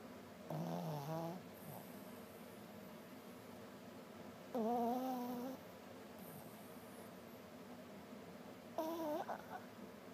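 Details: Soft, whining snores with a slight tone, about every four seconds, against quiet room noise, while someone complains they cannot sleep with it going on: snoring.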